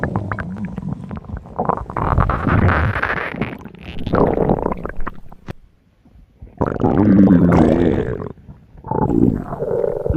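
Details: Long gurgling, rumbling stretches with a short quiet gap, like a loud hungry stomach growling: comedic stomach noises from a game character (T Mobile Bot), a hunger joke, not a real recording.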